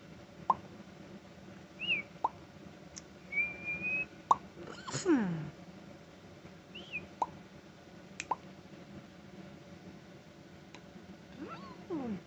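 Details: Adult parent of five with tics, in a tic attack after a stressful day, on antibiotics and steroids for an ear infection, off Benadryl: scattered sudden pops, clicks, short whistles and squeaks at irregular intervals. Vocal tics.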